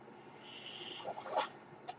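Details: Mechanical ventilator sound: a soft, airy hiss swells for about a second, then fades into brief puffs and clicks, one ventilator breath cycle; the speaker says it is his ventilator.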